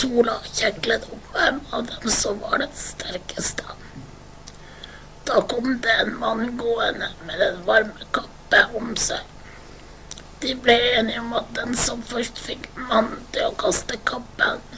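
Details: Patient with classical adductor-type spasmodic dysphonia, affecting the muscles that close the vocal cords; finding: adductor spasmodic dysphonia.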